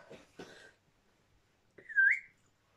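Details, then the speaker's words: Person with Tourette syndrome during a tic attack lasting 10–15 minutes, recorded on the couch before work: two abrupt breathy noises, a pause, then a sudden high squeaking whistle, involuntary vocal tics. "ah sorry i thought i'd make a video um because my tics again really bad"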